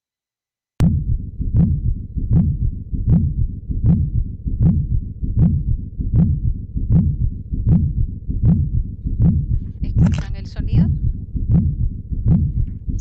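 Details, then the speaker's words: Pericardial friction rub in pericarditis, teaching audio: regular heartbeat about 78 a minute with a harsh, scratchy grating sound over each beat, brief rustling near the end. "ahora les voy a presentar un audio con respecto al roce pericárdico que es el roce pericárdico el roce pericárdico es un sonido es un ruido"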